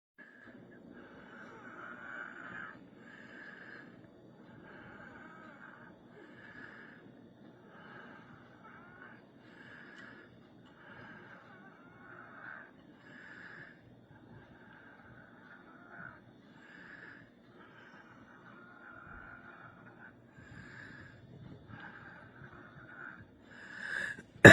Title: Still wheezing